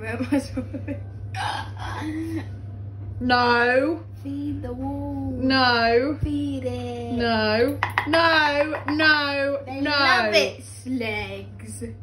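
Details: Female speaker with Tourette syndrome; repeated "go go go" possibly a tic; Tourette syndrome vocal tics.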